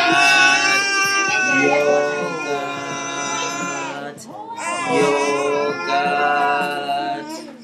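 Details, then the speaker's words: Young child crying for yogurt: two long, loud, sustained wailing cries separated by a brief catch of breath; infant crying. "this is a video just making the baby's crying for yogurt I'm just helping he can't say yoga when he's crying thank you for watching"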